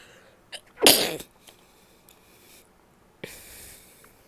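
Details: A single loud, wet, explosive sneeze after brief inhalation sounds, then a soft hiss of breath; an ordinary sneeze.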